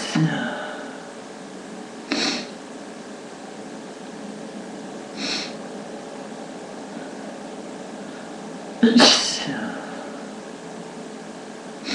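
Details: Four sharp sneezes in about twelve seconds, a repeated sneezing fit that the person attributes to allergy; sneezing.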